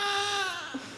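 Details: Newborn's first cries in a delivery room during a midwife-attended birth: a brief, high, tonal wail falling in pitch, then two short vocal bursts in a quiet room.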